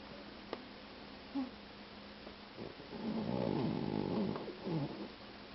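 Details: 2-year-old male boxer mix dog snoring very loudly in sleep: a few soft rumbling breaths, then a longer, louder rattling snore on the in-breath.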